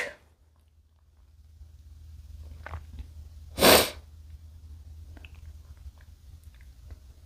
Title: male sneezing from chinkni